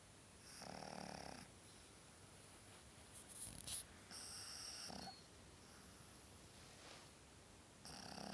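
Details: Irregular noisy snorts and rasping breaths over steady room hiss: loud snoring of a sleeping pug.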